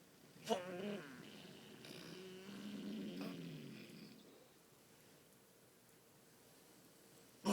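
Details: Adult man (husband) asleep, one long low rattling snore after a short snort, then quiet breathing in a still room; habitual snoring.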